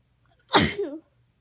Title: cold sneezes with a some nose blowing at the end